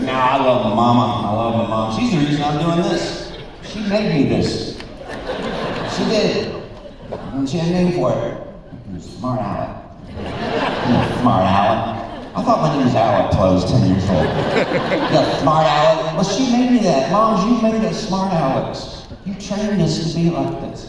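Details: Male speaker with spasmodic dysphonia, an incurable vocal disorder he developed at the height of his career; vocal coaches and doctors did not help, and it progressively worsened until his voice was gone; he says it is audible now; spasmodic dysphonia.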